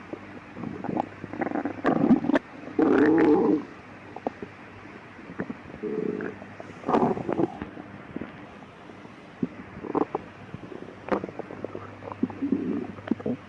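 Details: Stomach growling at midnight: low gurgling and rumbling bursts come and go over a quiet background; bowel sounds (borborygmi).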